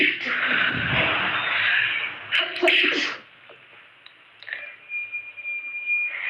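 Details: Deliberately induced sneeze by a person with a cold: a long hissing breath, then a sharp sneeze burst, followed by quieter breathing and a faint whistle-like tone.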